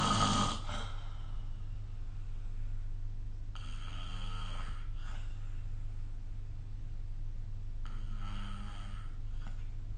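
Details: Snoring during sleep: low rumbling snores recurring every few seconds over steady background hum.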